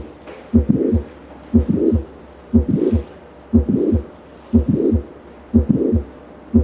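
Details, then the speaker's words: Simulated mitral valve prolapse heard at the apical focus: heartbeat at about 60 a minute with a mid-systolic click and a late systolic murmur. "a escuchar este soplo el de haber causado alguna mitral recuerde que es un software que se produce tele sistólico es decir después del agitado mes o que él es histórico al final de la sístole que va a estar asociado es lo más característico a un clic de dirección"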